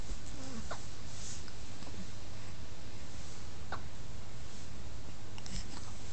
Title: I got hiccups